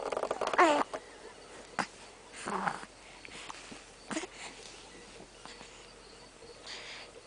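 Several short, abrupt voiced catches in about seven seconds, each a sudden gulping burst followed by quiet, consistent with hiccups.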